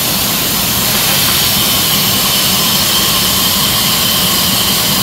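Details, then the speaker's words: QuickSleeper 5 intraosseous (osteocentral) dental anesthesia handpiece rotating its needle to perforate bone at the septum toward the apices in a live patient demo; continuous high-pitched whirring drone; patient warned of vibration and sound. "okay i will start driving out by the patient you will feel a little bit vibration and sound don't worry about"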